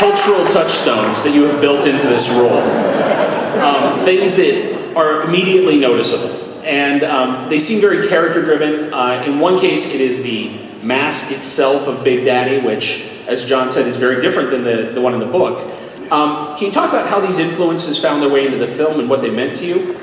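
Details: Adult male moderator; Normal voice.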